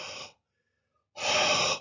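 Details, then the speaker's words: Voiced imitation of the mitral regurgitation murmur: pansystolic, from the first to the second sound, even intensity, soft and blowing; best heard with the stethoscope diaphragm at the mitral area, radiating to the axilla. "it starts with the first sound stays throughout the sicily is almost of the same intensity throughout the sicily and then ends with that second sound it is soft and blowing in character like"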